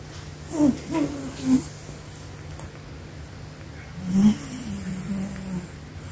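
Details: Pet cat sleeping: soft, squeaky, whistling snores with each breath in a quiet room; snoring.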